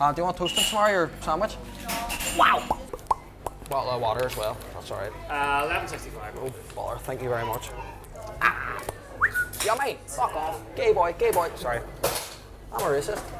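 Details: Young man with suspected Tourette syndrome (self-believed, not officially diagnosed), vocal tics of sudden onset after a traumatic breakup and a psychiatric hospital stay; involuntary noises and swearing (coprolalia) interrupting speech; vocal tics with coprolalia.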